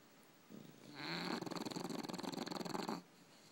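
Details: Two tired English bulldogs asleep; a long, rattling, fluttery snore of about two seconds with rapid vibration through the breath: snoring.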